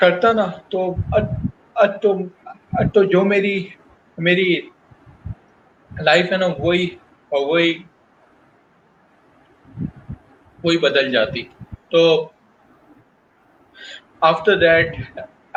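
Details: Adult male professional who stutters, speaking Hindi/Urdu about his job search; stuttering.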